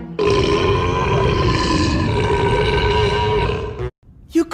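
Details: Long, loud, rumbling belch of nearly four seconds with faint background music, taken from a compilation of burps and belches.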